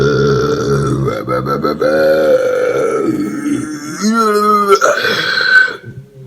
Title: Burping on Pepper Time (Multiple Burps!)